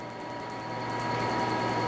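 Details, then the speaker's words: Rapid evenly spaced snapping clicks over a steady hum: a PicoSure picosecond laser pulsing across a tattoo including blue ink, whitening appearing. "pour vous expliquer en fait le principe d'un laser de détatouage comme on l'a dit ce sont des impacts extrêmement court puisqu'on prend une seconde qu'on coupe par un milliard et on l'a recoupé encore par 1000"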